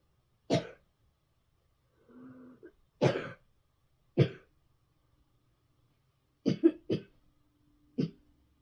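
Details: Coughing in bed: several separate short, hard, dry, forceful coughs, some doubled, with quiet gaps and a faint throaty sound between.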